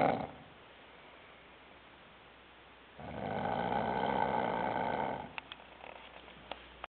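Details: A quiet room, then one long, rough, rattling breath of about two seconds and a few small clicks from a sleeper; snoring.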